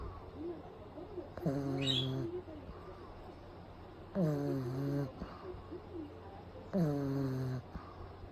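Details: A pug napping in the daytime with eyes rolled back, recorded close up: three loud, drawn-out nasal snores about every 2.6 seconds, with quiet breaths between.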